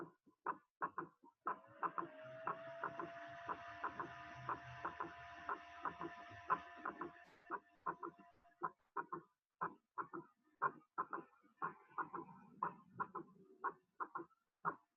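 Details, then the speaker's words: Third heart sound (S3): soft low extra sound just after the second sound, heart rate about 60/min; with tachycardia it gives a ventricular gallop cadence; may be physiological under age 30 or pathological with ventricular diastolic overload, dilatation or systolic dysfunction. "Cuando se asocia con taquicardia puede dar una cadencia de galope, que se llama galope ventricular."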